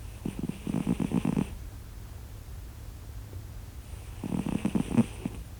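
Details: Sleeping cat snoring: two bursts of rapid rattling snore on the in-breath, separated by a quiet out-breath; snoring.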